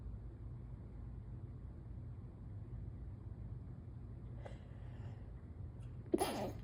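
Quiet room, then a single muffled, held-back sneeze near the end, typical of stifled allergy sneezing.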